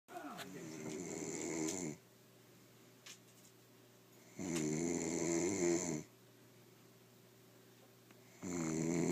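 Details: Adult snoring: loud, rattling snores on each in-breath, about 15 a minute, with quiet pauses between them.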